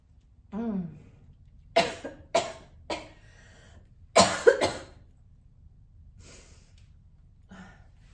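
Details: Mature woman habitual smoker coughing while smoking a cigarette she calls stronger than usual: a run of about five harsh, forceful coughs in quick bursts with breaths between, a real smoker's cough.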